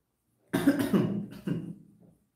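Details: Two short, voiced coughs from an adult, the first longer and throatier, with a quiet room behind.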